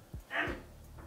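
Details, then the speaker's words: A single loud, two-part adult sneeze from the speaker's parent, heard faintly from a distance in a quiet indoor room and described as a very obnoxious sneeze. "Bless you. Don't know if you can hear my dad sneezing just then. She's got one of the most obnoxious sneezes I've ever heard."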